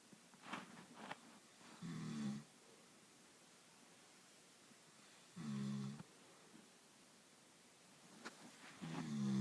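Loud, rough snores, each about half a second long, roughly 17 a minute, with quiet gaps between: heavy snoring.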